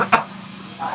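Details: Dry, tickling cough from the larynx in a child with a winter-season problem of cold, nasal blockage when lying down and lethargy: a single short, sharp cough with no rattle.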